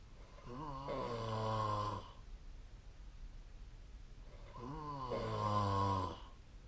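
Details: Snoring during sleep, recorded with a snore-tracking phone app: two long, rumbling inspiratory snores about four seconds apart, with quiet breathing between.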